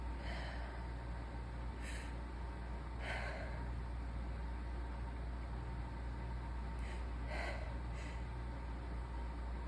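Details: Sick adult, seated, deliberately stifles about six short, muffled sneezes, some with a quick catch of breath, over a steady low engine-like hum; stifled sneezing.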